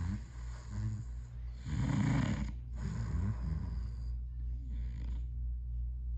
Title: my fathers loud snores